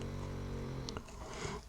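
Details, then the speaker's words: Sleeping pet named Rocky snoring: a low, buzzing rumble, then a brief papery click in a quiet room. "you hear Rocky snoring he is snoring away"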